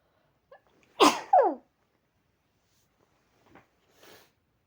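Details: Person sneezing into cupped hands after a tingling, ticklish nose since waking, with violent sneezes they cannot stifle and an unknown trigger despite usual hayfever; a quick in-breath, then one sharp, explosive muffled sneeze and faint breathing.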